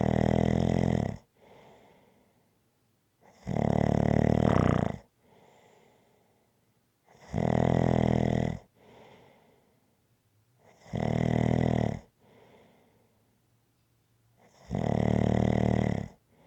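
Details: Loud, regular rattling snores on each in-breath, about 16 a minute, each followed by a softer out-breath; steady snoring from an ASMR snoring-sounds recording.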